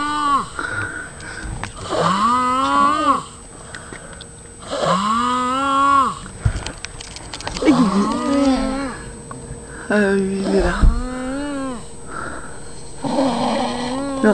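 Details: Loud, repeated, tonal groaning noises about every two seconds, some rising in pitch, with faint room noise; vocal, moan-like snoring.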